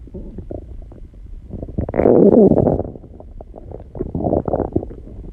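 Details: Own stomach recorded; gurgling, rumbling bowel sounds rising and fading over several seconds: stomach growling (borborygmi), a normal finding.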